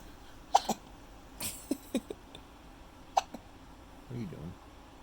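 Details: Baby girl hiccuping: several small, abrupt hiccups at irregular intervals, with soft room noise and a brief murmur.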